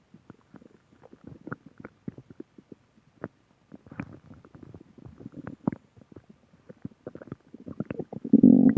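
Bubbling, gurgling abdominal sounds with clicks and a louder rumbling gurgle at the end: ordinary stomach growling.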